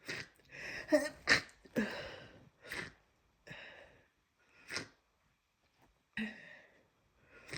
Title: Definitely a cold! Snotty sniffs and sneezes